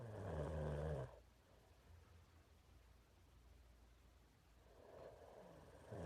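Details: Nasal snoring during sleep in an adult man, a former reality-show contestant: one loud, low rumbling snore, then quiet, with the next breath beginning at the end.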